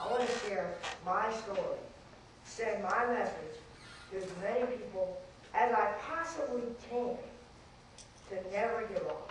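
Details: Dysarthric speech in a 14-year-old boy with cerebral palsy from very premature birth (13 weeks early) with lack of oxygen to the brain; doctors said he would never talk; he has had speech therapy.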